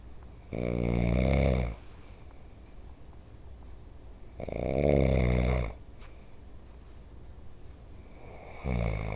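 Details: Dad snoring, though he says he doesn't: loud, low rattling snores on each in-breath, about one every four seconds, with quiet out-breaths between them.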